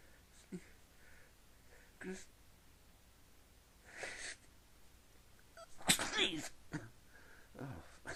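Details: A bout of soft, suppressed sneezes with short breathy bursts and quiet gasps between them, sneezer trying to keep it quiet and unable to stop; stifled sneezing.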